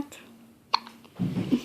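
A single short, abrupt hiccup sound amid quiet room noise, followed by a voice.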